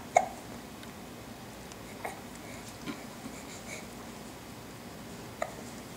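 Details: Baby girl laughing with hiccups: a few sharp, brief infant hiccup catches, irregularly spaced over quiet room noise.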